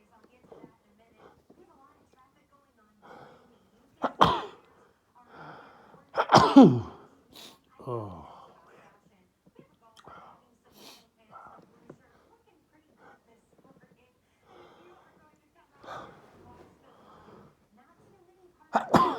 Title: more allergy sneezes nose blowing. m